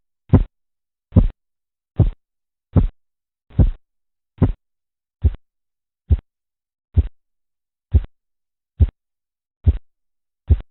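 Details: Korotkoff sounds heard while measuring arterial blood pressure, shown as a demonstration of correct blood pressure measurement.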